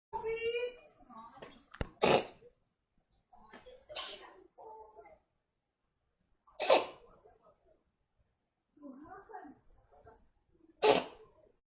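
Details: A cat coughing up a hairball: four sharp, forceful hacking bursts with quiet gagging and wheezy breaths between them, a hairball (retching) cough.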